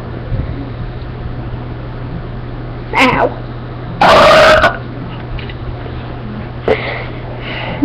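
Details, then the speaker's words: One long, loud, rumbling belch after a shorter throaty sound over steady engine-like background noise, from someone deliberately burping after drinking soda in small sips with lots of air; a burp. "the trick to that is taking small sips trick to this is the trick to have big burps is drinking soda cans cuz they have more caffeine and sugar"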